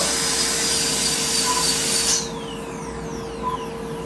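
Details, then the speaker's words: Steady high hissing, grinding noise that cuts off partway: filing an anaesthetised dog's chipped canine tooth level before bonding and capping; the chip does not reach the pulp cavity but is very close. "I'm just filing it before I start. I'm trying to get as straight as I can."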